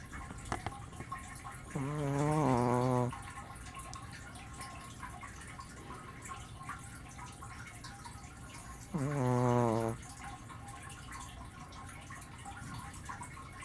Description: My Brussels Griffon, Pepper, snoring up a storm to rival my husband (also a big snorer).